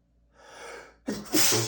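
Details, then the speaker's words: Quick drawn-in breath, then a sharp, partly stifled sneeze from an adult male during a rapid sneezing fit from allergic rhinitis that is not relieved by that morning's allergy medication. "Oh my god, it's just the worst [snorts] that I have to It's time for layup. I have to sneeze again."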